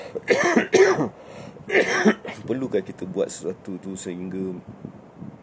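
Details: Adult man coughing after about 6 days of heavy cough illness: three harsh, noisy cough bursts followed by brief voiced throat sounds.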